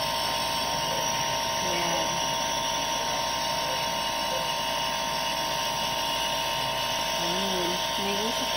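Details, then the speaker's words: Loud, steady buzzing drone of a newly unboxed handheld nebulizer compressor being test-run with an oversized mask and producing mist, with brief voices in the background. "pero sulit naman umaandar Wait lang Ano lagay dito yan ayan sa kanya kasi yan kaya ako napabili yan Wait lang Ayan na na Tapos Andal ko lang ha Yan oh my God yan Wow yan umuusok siya"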